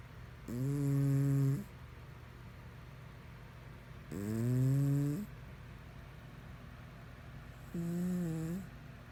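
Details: Sleeping pet cat snoring: low, buzzing, tone-like snores at about 17 breaths a minute over steady room hum.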